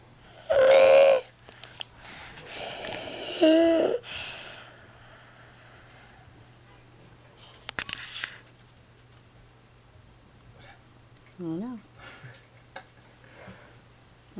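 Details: Sleeping child during a daytime nap, harsh whistling noisy breathing (stridor), then a pause of several seconds, possibly stopping breathing, followed by a deep breath; sleep study planned.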